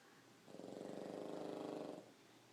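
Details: Pug sleeping on its owner, snoring: a single rattling, fluttering snore lasting about a second and a half in a quiet room.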